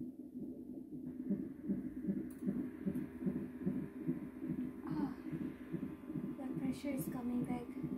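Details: Rapid whooshing fetal heartbeat, roughly 150 a minute, from a CTG monitor with room noise; baby girl at 40 weeks plus one day, past due date, monitored with contractions, moving and jumping a lot.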